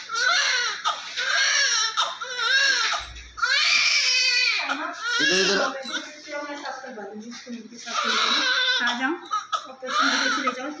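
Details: Small, active newborn of almost 2 kg being washed with baby oil to remove vernix: strong, repeated high-pitched crying bursts with breaths between them in a small room; vigorous newborn cry.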